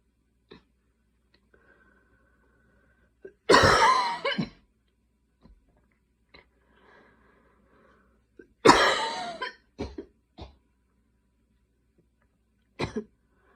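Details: Night coughing fit at 12:30 am while unable to fall asleep: two bouts of harsh, repeated coughing with brief follow-up coughs and quiet pauses in a quiet room.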